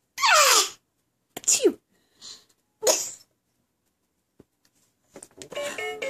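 Three short, sharp sneeze-like bursts from an infant, deliberately produced play sneezes, followed by a little babble.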